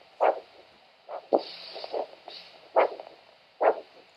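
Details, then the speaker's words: Normal triphasic Doppler arterial signal over ankle/foot artery at podiatry new-patient assessment: whooshing three-part pulsed beats with static and probe scraping as it settles, indicating good vessel elasticity. "So a triple sound indicates that you've got good elasticity in your blood vessels when your heart pumps blood out and contracts and it's pushing a big bolus of blood out through your aorta."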